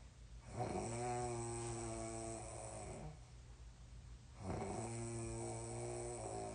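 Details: Snoring, followed by sleepwalking to urinate with no later recollection: two long, buzzing snores drawn in on the breath, with a quiet pause between them.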